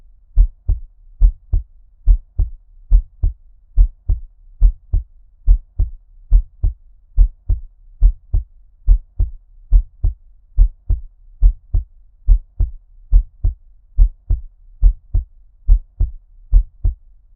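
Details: ASMR heartbeat with ear-cupping effect, muffled underwater-like, no talking: steady lub-dub at about 70 beats a minute, regular rhythm; normal-rate heartbeat.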